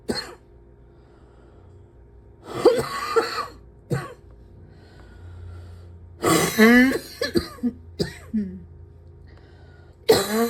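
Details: Repeated, persistent, forceful coughs and throat-clearing bursts, some rough and voiced, spaced irregularly in a quiet room; the person says they can't breathe without coughing and are still coughing.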